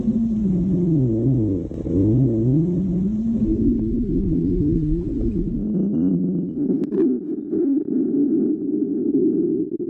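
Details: Low, wavering, gurgling tones rising and falling in pitch with a steady rumbling underneath, from a woman's stomach; stomach growling (borborygmi).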